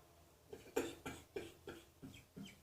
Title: Cross Dressing Coughing 14